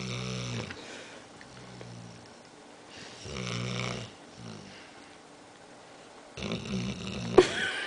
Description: Joey, my dog, snoring while half awake